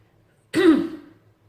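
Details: A single short, harsh throat clear from an adult with an ongoing cough that has been disturbing sleep at night.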